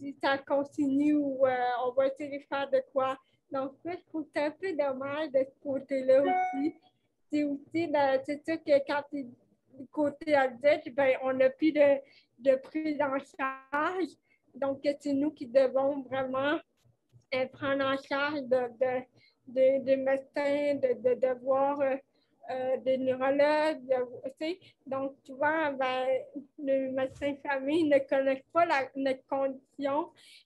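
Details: 29-year-old woman with cerebral palsy caused by lack of oxygen at birth, speaking French in an interview; she says her speech is affected; finding: dysarthria (cerebral palsy).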